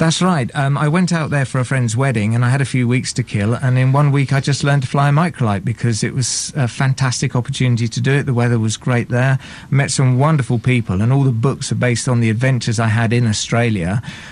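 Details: Adult man speaking; normal voice.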